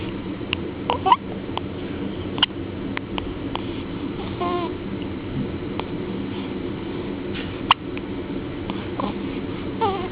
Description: My baby girl with hiccups..the one of many recordings...